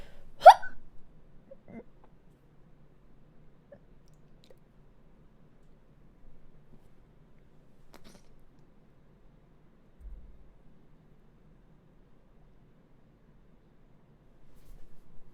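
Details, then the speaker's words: Streamer with hiccups announces holding breath until they stop: a single sharp hiccup at the start, then near silence with faint sounds as the breath is held. "숨! 딸꾹질 멈출 때까지 숨 참는다. 하나, 둘, 셋."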